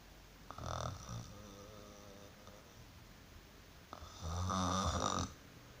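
Two rattling, fluttering snores on the in-breath, separated by a quieter breath, in a small room; typical snoring.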